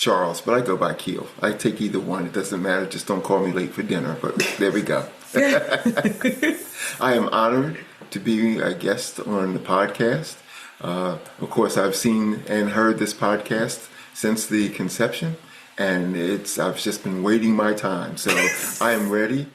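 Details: Adult man speaking; Normal fluent speech.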